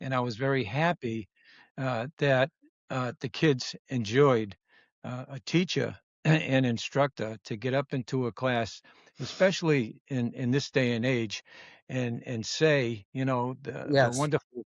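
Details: Adult woman, former educator of 30 years, with expressive (Broca's) aphasia diagnosed after stroke and TIAs that followed atrial fibrillation and cardioversion; expressive aphasia (Broca's aphasia).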